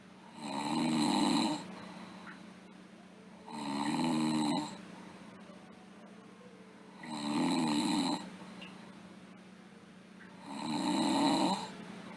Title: Sleeping Girl Snoring